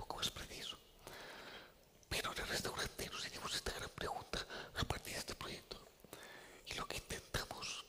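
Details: Adult man with the neurological disease dystonia, which in his case causes uncontrollable neck movements and can affect other body parts; real speech, whispered without voice tone: whispered voice (aphonia) due to dystonia.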